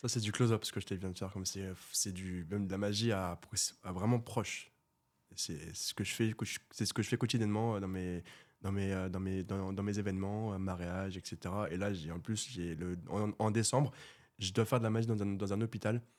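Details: Stuttering in a 24-year-old man who has stuttered since birth; it was severe in childhood and treated with speech therapy, and it is now mild, mainly under stress and not when doing magic, with little stuttering noted in this episode.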